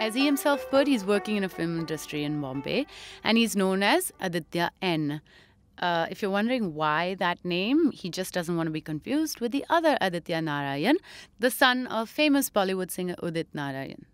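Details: Adult woman narrating; typical speech.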